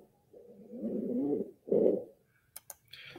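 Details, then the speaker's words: Abnormal breath sounds of rhonchi and wheezing in a respiratory emergency: low-pitched, rumbling, musical sounds with a wet, liquidy, congested quality from obstructed airways. "right so you can just hear those other two the ronai and the wheezing how congested it sounds how liquidy um really it just not clear at all and that's not good"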